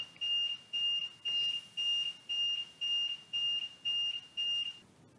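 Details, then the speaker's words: Vela ventilator alarm: a steady run of nine high-pitched electronic beeps, about two per second. It sounds immediately after a control setting is adjusted beyond a linked alarm threshold and accepted. "If you adjust a control beyond one of these alarm thresholds and accept it, you can expect to receive an immediate alarm."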